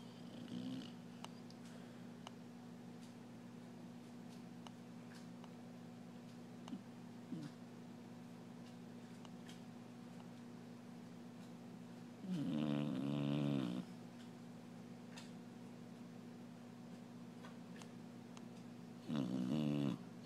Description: Slumbering Clumber Spaniel snores loudly.